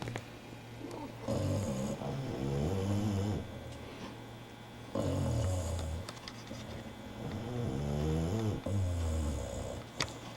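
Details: Two bulldogs snoring: deep, rumbling snores with a fluttering rattle on each breath, about three in ten seconds; loud dog snoring.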